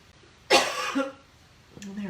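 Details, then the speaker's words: Adult gives one muffled, held-back cough with a brief throaty tail, then resumes speaking during a live card-stamping demonstration; says her throat is so dry she expects a coughing fit; stifled cough. "but i can tell that i'm gonna have a coughing fit it is so dry excuse me"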